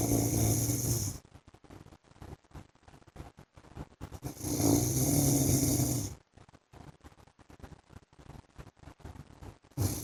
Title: PART 1 FOR SLEEPING WITH MY HUSBAND'S SNORING SOUND